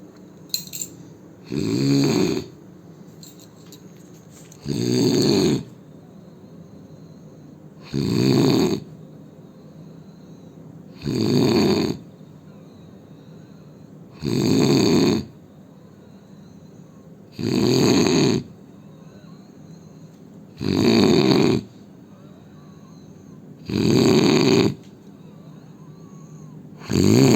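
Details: Loud, regular snoring from a sleeping adult Indian man, about 19 snores a minute; snoring.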